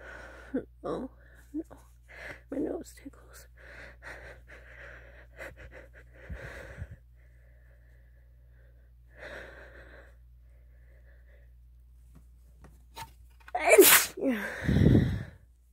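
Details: Female, spray wet sneeze: quiet talk and breathy sounds, then near the end a forceful wet sneeze with a sharp burst and spluttering release; sneezing.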